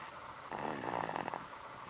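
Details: A single brief rattling, fluttering snore on an in-breath during a nap, in a quiet room; snoring.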